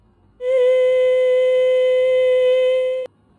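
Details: Same patient at higher pitch C5, with air leak; a pair of mid-vocal-cord swellings touch, leaving anterior and posterior gaps; breathy voice (air leak).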